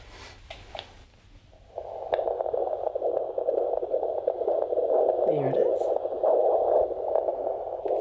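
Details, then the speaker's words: Normal fetal heartbeat on Doppler at a rural midwife's antenatal visit, with the baby head-down: brief probe noise, then a fast rhythmic whooshing pulse, with constant fetal movements. "Sounds good. Yeah. Great. Always nice to hear that, isn't it? What with the heartbeat and all the nice constant movements. It's always really reassuring, isn't it?"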